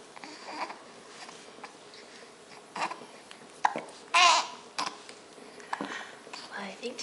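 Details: An infant makes several short, abrupt hiccup sounds among soft babbling and quiet room noise; hiccups.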